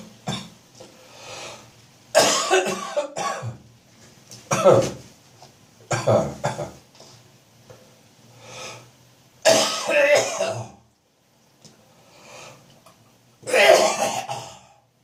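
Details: Adult with repeated wet, chesty morning coughs, gagging, throat clearing and spitting as phlegm builds up with an autumn/winter chesty cough; productive cough with throat clearing.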